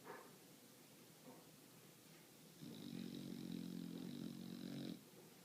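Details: Bulldog snoring while asleep: a long, buzzing, rattling breath of about two seconds against quiet room noise.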